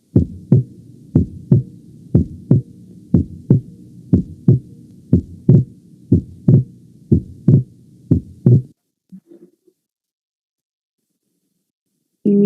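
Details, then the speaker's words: Auscultation of the second heart sound during inspiration, where splitting is heard: physiological inspiratory splitting of S2. "eso es con el momento de la inspiración pero ahí en la inspiración se escucha el desdoblamiento"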